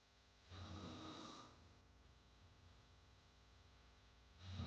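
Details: Snoring sound effect: one rough, rattling hard snore on the in-breath, then a quiet pause and the start of the next snore.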